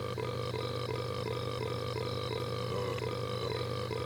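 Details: Cartoon character burping: a long, unbroken low belch with a steady rhythmic rasp.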